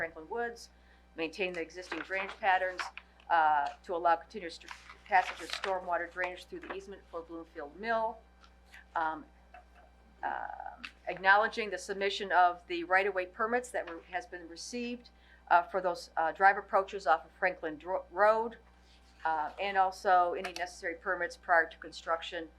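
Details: Adult speaker; normal voice.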